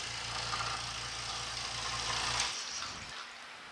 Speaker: you turn on the machine very noisy but it works you use a bowl of water just to make sure